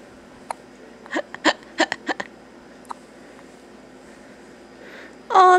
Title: hiccups (few weeks old)